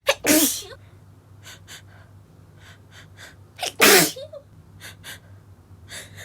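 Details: Two forceful sneezes, each preceded by a gasp, between runs of short, muffled, held-back sneeze bursts from a female during woodworking: a stifled sneezing attack triggered by sawdust.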